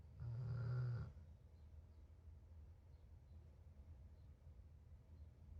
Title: Snoring